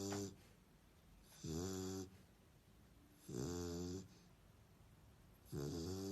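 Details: A sleeping dog snoring: rhythmic buzzing snores, about three in six seconds, with quiet breathing between.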